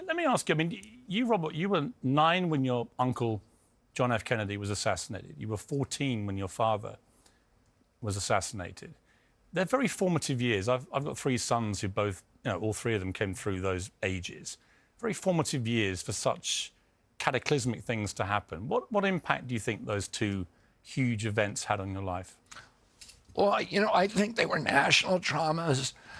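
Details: Adult male interviewer, with a second male speaker briefly at the end; normal voice.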